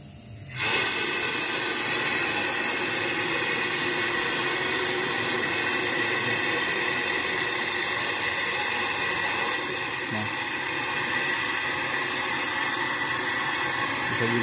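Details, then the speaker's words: Gnatus dental unit: sudden onset of a steady airy hiss and gurgling suction as the compressor-driven saliva ejector is switched on to suction debris from the mouth. "kompresor juga akan menyuplai angin pada cerita ejector sehingga sampai saya sektor bisa bekerja sebagai sistem section yaitu untuk menyedot kotoran pada mulut pasien"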